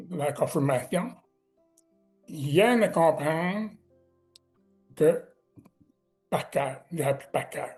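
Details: Adult man with severe-to-profound deafness who learned oral speech, speaking French; deaf speech.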